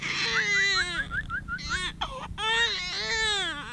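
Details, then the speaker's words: Baby girl crying in a car on her first ride: loud, high-pitched crying with rapid stuttering sobs and sustained wails over low engine rumble; a healthy distressed cry that later settles. "So for the first time she is sitting in the car and she don't like it. She was crying and now she is okay."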